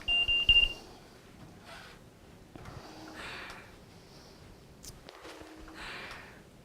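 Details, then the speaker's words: Philips Respironics Trilogy 100 home ventilator for children, set up with an active circuit and active exhalation valve and switched on: a few short high beeps, then quiet with soft clicks; ventilator power-on beep. "so we're talking about active circuit now because we have an active exhalation valve I'm going to turn the machine on"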